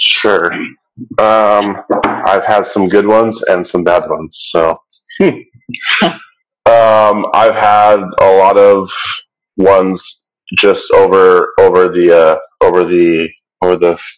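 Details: Stuttering in an adult participant of a stuttering association webinar, with audible word and phrase repetitions.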